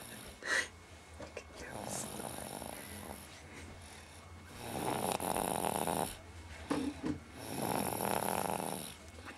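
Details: Baby snoring: soft, rough, rattly snores with each breath in, about two clear ones over nine seconds, in a quiet room.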